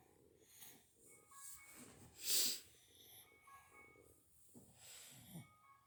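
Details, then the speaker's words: Inspiratory stridor from congenital laryngomalacia in a 1-year-old boy: noisy, squeaky, snore-like breathing from his windpipe/throat, reportedly getting louder, awaiting evaluation under anesthesia at hospital. "If you guys can hear a noise when I have my son, you guys can hear kind of like if he's snoring, but it's a sound that his windpipe or his throat is making."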